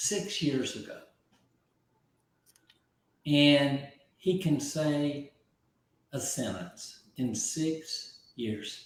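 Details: Aphasia in an adult man after a stroke about 15 months earlier; at first he could not be understood at all, and he has since relearned over 20,000 words.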